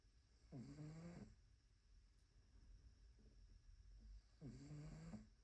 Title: Cat snoring #Albert #funnycats